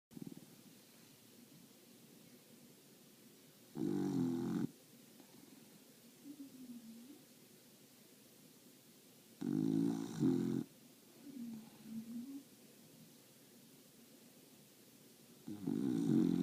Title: English bulldog, snore, nap, tongue, dog days of summer